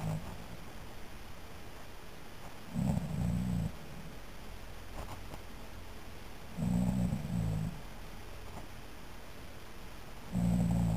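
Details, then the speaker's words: Brother's snoring recorded at night to prove he snores: deep rumbling snores recur about every four seconds, each a rough low vibration, with quiet background between them; ordinary snoring. "Hola estos son los ronquidos de mi hermano quise grabarlo porque él dice odesia que no roncaba y la prueba está aquí"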